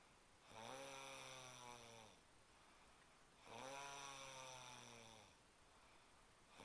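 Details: Person caught snoring again during sleep: two loud, rattling, voiced snores on breathing in, about 1.5 seconds each, roughly every 3 seconds; ordinary snoring.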